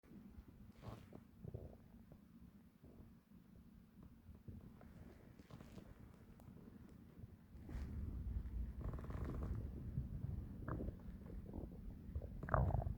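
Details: Loud digestive stomach growling: low rumbling, gurgling bowel sounds (borborygmi), getting louder toward the end.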